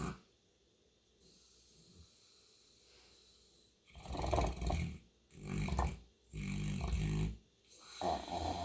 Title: Mabel the St. Bernard has some serious snores!